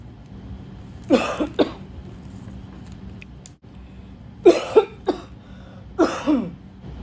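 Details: Simulated comedy sketch of trying not to cough in public: three bursts of stifled, muffled coughing with throat clearing; faint room noise.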